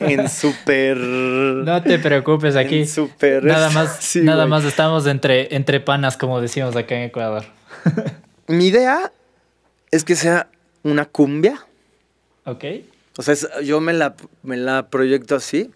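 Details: Mexican male singer who has stuttered since early childhood and says he does not stutter when singing; finding: stuttering.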